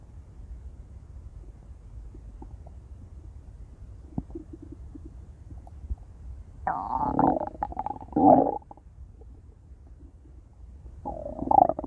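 Quiet gurgles, then loud, drawn-out growling rumbles in a few bursts; ordinary stomach growling.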